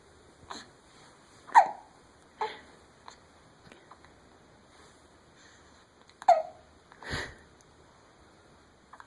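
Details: 6-week-old baby with hiccups: repeated short, abrupt gulping sounds at irregular intervals, several over nine seconds.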